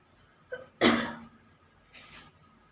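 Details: Woman's deliberate sneeze for a sneezing challenge, with no cold: a faint intake, then one sharp, explosive sneeze followed by a softer breathy exhale; a single sneeze.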